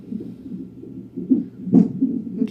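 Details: Fetal heartbeat at 34 weeks of pregnancy on a Doppler monitor, heard as muffled rhythmic whooshing broken by a few louder bumps from fetal hiccups; mother aged 31.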